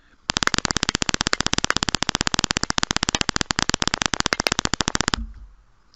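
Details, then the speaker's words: Single fiber EMG with a single fiber electrode, shown in a jitter-recording lecture: a rapid train of sharp, crisp clicks at a steady rate for about five seconds, from consecutive discharges with sharp spikes of constant shape. "here's a recording with a single fiber electrode and you see their sharp spikes with constant shape a consecutive discharges"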